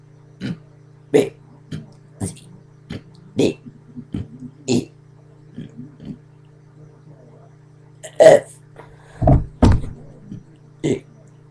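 A long run of short, deep throaty gulps and belches over a low steady hum; repeated burping.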